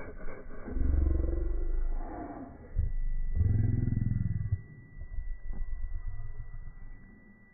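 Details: Loud, low, rattling snores with long deep breaths, one coarse and vibrating like a horse's snort; a dad snoring heavily.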